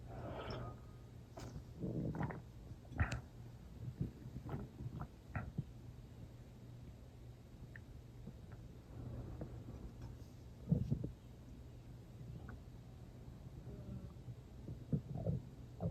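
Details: Irregular gurgling and rumbling bursts with quiet gaps: stomach growling (borborygmi) in someone not very hungry who ate not long before; water drunk toward the end.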